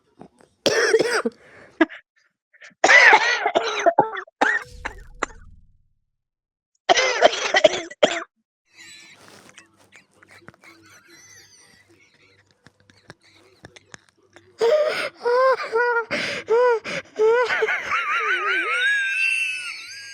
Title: Smoker's Cough Compilation